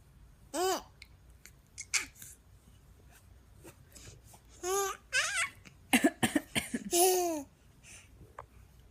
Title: baby imitating cough